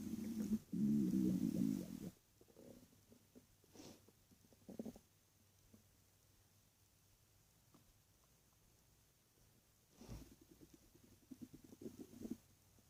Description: My stomach was growling in the night when i was laying in my bed.